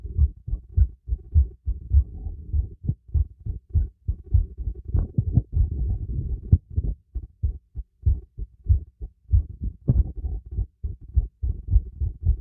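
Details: Heartbeat heard through a stethoscope during light workout with breath play: strong, regular lub-dub at about 100 a minute with breathing noise between beats; normal heartbeat, raised with exercise.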